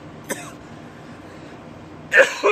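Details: Two short, harsh cough bursts separated by a quiet pause, right after inhaling vapor from a vape; coughing after vaping.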